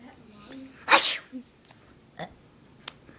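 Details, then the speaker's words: Sneezing, described as sneezing many times: a single sharp, explosive sneeze burst, followed by faint clicks and quiet room noise. "can't stop sneezing why can't I oh oh oh God bless me"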